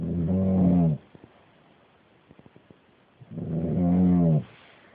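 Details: Uncle snoring while asleep: two loud, rumbling, low snores about three seconds apart with quiet soft clicks between; ordinary snoring.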